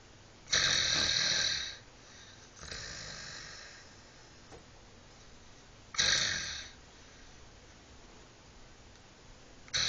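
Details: Someone sleeping: loud, harsh, rasping snores repeating roughly every five seconds, each followed by a softer breath; heavy snoring.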